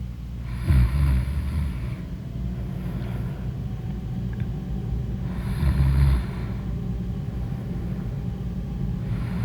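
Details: Loud snoring in deep sleep: deep, rumbling snores about every five seconds over a steady low background hum.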